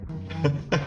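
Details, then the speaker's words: Dog snoring in the background during a live-streamed session: snoring. "what that noise is that's my dog snoring"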